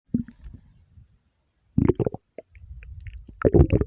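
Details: Stomach growling: low, bubbly gurgles and rumbles in irregular bursts.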